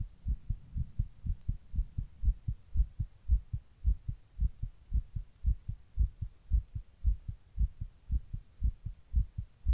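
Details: Own heart recorded while sitting in 100-degree heat during a heatwave: regular low thumping heartbeat about 113 beats a minute; tachycardia.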